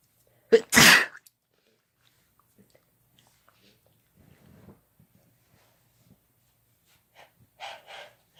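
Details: Sneezing induced by chhinkni (sneezing powder): a loud sneeze with a sharp intake and explosive burst, then quiet, and a softer double sneeze near the end.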